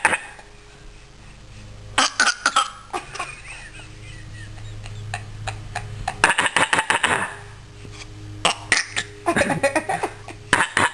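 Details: Several short, sharp voluntary cough bursts in loose clusters over a steady low room hum, done playfully as a way to communicate.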